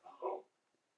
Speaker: my other half sneezing i don't know if you can hear that it's always so loud i don't understand